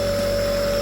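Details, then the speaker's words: Steady, loud motor hum with a constant tone from an Omron compressor nebulizer delivering mist to a child with cough and cold. "Kita nyalakan ya, biar batuk atau dahaknya ini lendirnya encer ya. Oke, kita nyalakan ya, teman-teman."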